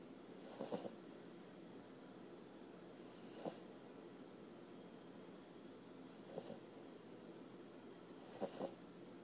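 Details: A sleeping puppy snoring: quiet, soft snoring breaths with a faint snort at each cycle, about every three seconds, over steady room hiss.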